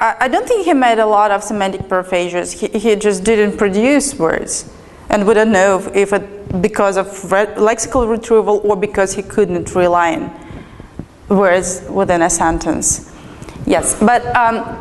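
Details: Adult woman speaking; normal fluent speech.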